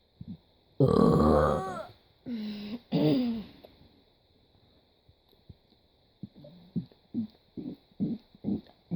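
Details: A person burps for over a minute: long, loud voiced burps followed by a series of shorter, quieter belches, over a steady background hum; burping.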